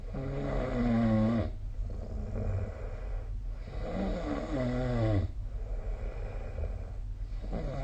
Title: 🐽 Snoring Sleep Sound / いびきの音